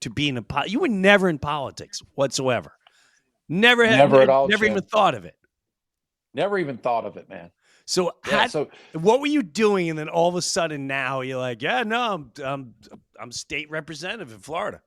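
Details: Adult man speaking; ordinary speech.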